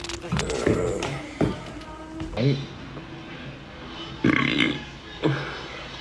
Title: Tiny boy big burps TikTok live